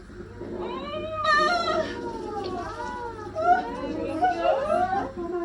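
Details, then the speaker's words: Newborn's first cry right after a vacuum-assisted delivery with episiotomy, following a dilapan-induced labour with epidural and a falling fetal heart rate; high, wavering cries in bursts over a low hum and room noise. "When you hear the baby cry, it means that they've had their first breath."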